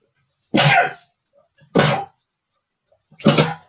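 Three short, forceful bursts of air with brief catches before them, about a second apart; a series of mild sneezes.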